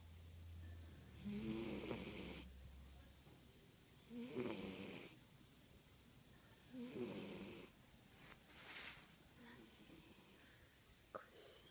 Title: My cat snore!!!!